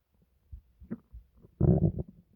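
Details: Compilation of a person's stomach noises: a few soft low gurgles, then a louder half-second rumbling growl; some clips very quiet; bowel sounds (borborygmi).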